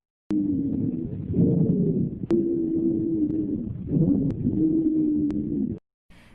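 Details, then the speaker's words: Wheeze on chest auscultation: a continuous musical whistling lung sound with a steady, somewhat shrill tone through each breath. "es igual sería como un silbido, pero pues con un tono un poco chillón."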